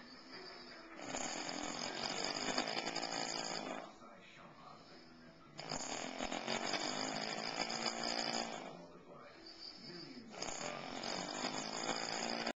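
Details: Father snoring heavily: loud, rough, rattling snores on each inward breath, about three in twelve seconds, with quieter pauses between; heavy snoring.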